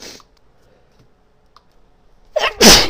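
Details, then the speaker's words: Woman sneezing repeatedly after inhaling snuff: a short burst, a quiet pause, then a sharp, forceful sneeze in two parts, amid talking. "me can't seem to stop excuse me I think that's it"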